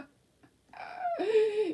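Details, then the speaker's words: Adult woman's stomach growling after eating fish: after a quiet moment, a short rising-then-falling squeaky gurgle, ordinary bowel sounds during digestion. "do you hear my stomach my stomach is talking to you guys today you might hear it in a moment if I if I quit flopping my gums you might hear my stomach go"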